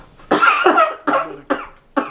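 Four harsh, forceful coughs in quick succession; an acted, deliberately produced cough rather than a real illness.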